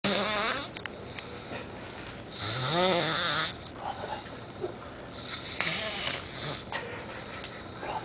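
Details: Person asleep on holiday: loud rattling, buzzing snores rising and falling with breathing, irregular, over room noise; snoring.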